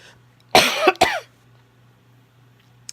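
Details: Two harsh, slightly wet coughs in quick succession from an adult woman who is ill, fatigued and recently unable to get warm; quiet room with a low steady hum.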